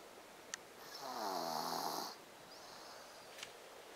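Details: Sleeping baby gives a single drawn-out snore on the in-breath in a quiet room; snoring.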